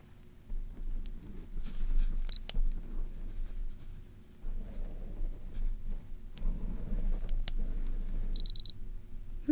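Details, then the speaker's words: Simulated ASMR medical roleplay of a clinical-trial temperature exam. Low room hum and soft handling noises, with short high electronic beeps as an ear thermometer with protective cover rechecks temperature in one ear, then the other. "Okay. And now the ear thermometer again. And the other side."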